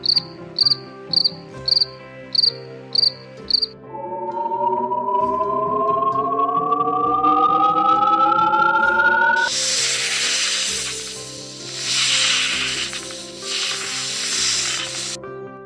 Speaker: Tinnitus से ग्रस्त एक व्यक्ति को 3 तरह की आवाज़ें सुनाई दे सकती हैं। यदि आप टिनिटस से ग्रस्त हैं तो कृपया अपने डिवाइस का साउंड कम कर दें, क्योंकि इन आवाज़ों से जो मैं अभी आपको सुनाने वाला हूँ आपको कुछ परेशानी हो सकती है।